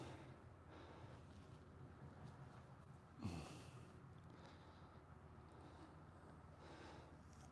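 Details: A horse that is sore, likely after a recent barrel race, gives a single loud, fluttering nasal blow (snort) over low hum during a chiropractic session with shoulder stretches.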